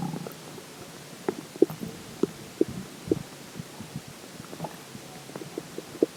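Scattered short gurgles and pops over quiet background: ordinary stomach growling after drinking water.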